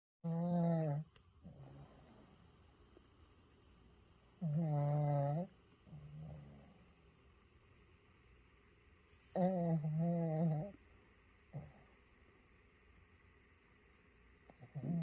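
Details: Pug dog named Luna snoring: loud rattling snores at about 13 a minute, each inward breath buzzing, with softer noisy breaths between; snoring in a flat-faced dog.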